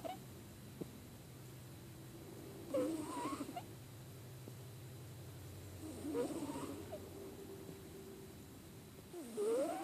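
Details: Snoring in a subject who has a cold: rhythmic low snores about every three seconds, roughly 18 a minute, in a quiet room.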